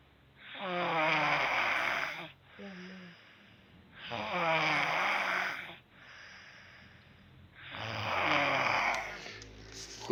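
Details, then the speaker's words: A sleeping 12-year-old girl at 1 a.m. snores loudly enough to keep the household awake: rattling, partly tonal snores on each in-breath, about 17 breaths a minute, with quieter breathing between them. Heavy snoring. "Juro por Dios que me gustaría que me torturen, que me saquen las uñas con una pinza, que me den el electroshock y no escuchar a esta piba. No nos deja dormir, es la 1 de la madrugada."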